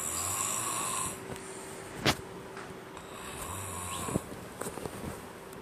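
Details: Ordinary snoring: two rough, rattling snores on slow breaths, separated by a quiet pause and a brief snort, over a faint steady room hum.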